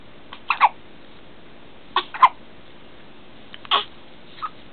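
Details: Two-week-old baby girl, too small for newborn clothes, with hiccups: short, soft, abrupt catches in her breathing, recurring in small clusters about every one to two seconds.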